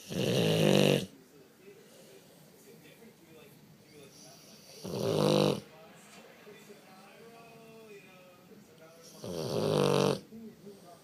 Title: Loudest snoring boxer ever